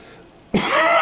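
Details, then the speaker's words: Single abrupt adult cough from someone with a summer cold and nasal congestion, after quiet. "Julian Alaphilippe, sorry about the cough, you probably hear the congestion in my nose too. Don't you just love summer colds?"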